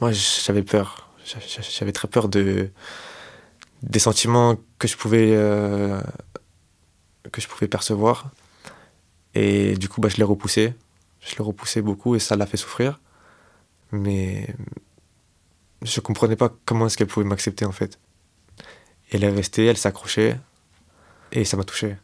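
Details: 25-year-old man who has stuttered since age 4, self-described as fairly severe, worse with stress, fatigue and in front of others; stuttering.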